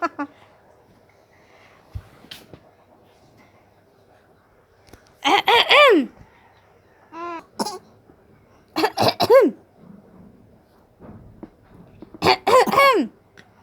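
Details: 7-month-old infant imitating a cough: several short, voiced cough-like bursts mixed with babbling, a playful normal developmental behaviour.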